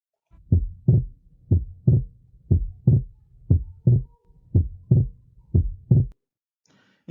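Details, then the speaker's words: Teaching demonstration of fixed splitting of the second heart sound: steady heartbeat about 60 a minute with split S2 that does not change between inspiration and expiration. "então por isso que esse desdobramento ele é chamado de desdobramento fixo ele não muda é tu entrar no indivíduo inspirado e tu entrar no indivíduo não inspirado"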